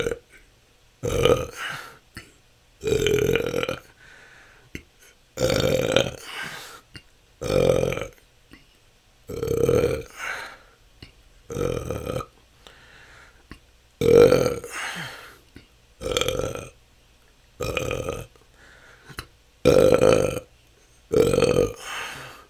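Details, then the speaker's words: Adult with repeated loud voiced belches, about twelve in twenty seconds separated by short silences, part of 10 continuous minutes of natural burping; episodes can last hours, a struggle for years, possibly from stored-up gas. "that's 10 minutes this can go on for hours this has been my struggle for the last couple of years"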